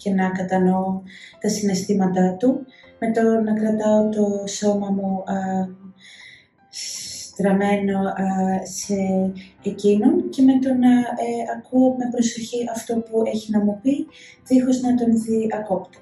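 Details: Adult woman who stutters; stuttering.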